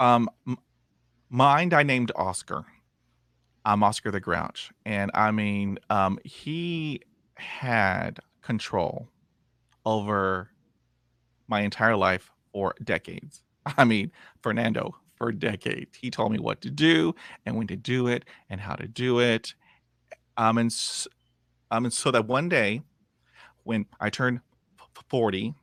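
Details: 51-year-old man with lifelong stuttering after 20 years of speech therapy, self-described as about 80 percent improved but still blocking and repeating.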